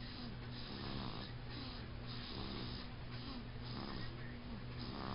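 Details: Loud, low, rough rattling snores over steady breathing, repeating about every second and a half, from a sleeping baby boy.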